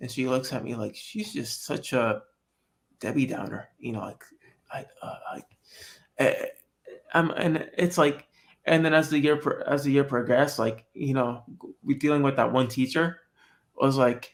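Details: Adult man born with cerebral palsy who says he talks differently from others; dysarthric speech in cerebral palsy.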